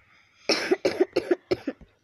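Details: A sick child, home from school with illness, gives a run of four quick wet coughs followed by a brief voiced sound.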